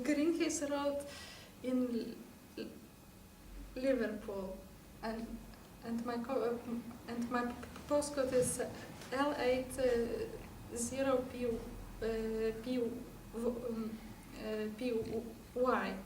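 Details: Archival recording from 13 years earlier of a woman with severe, uncontrolled overt stuttering and silent blocks, unable to say her own name, stuttering for 18 years before starting therapy at 27; stuttering.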